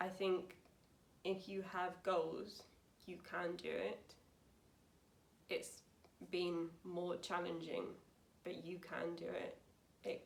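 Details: Young woman, 28, with aphasia after a severe stroke at school in 2009 at age 18, about nine years on; aphasia.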